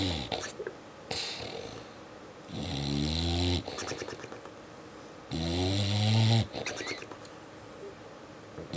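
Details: English Bulldog snoring with lip-flapping after a long day at the beach: deep, buzzing snores with a fluttering quality on the out-breath, about 21 a minute; he occasionally snores like this after long weekends of play and hiking.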